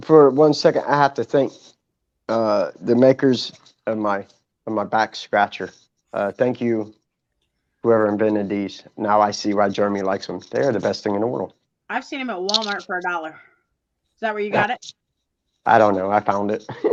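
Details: Adult male speaker, with a brief second voice; normal speech.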